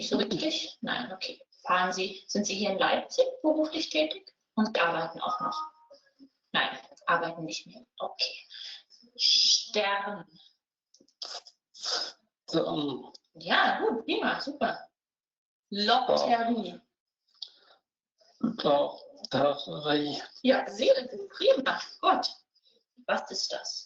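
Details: 69-year-old male engineer, three days after sudden isolated aphasia from a frontal lesion: severe non-fluent aphasia with severe dysarthria and apraxia of speech; repetition and naming limited to few syllables with phonetic errors, comprehension relatively preserved; German speech.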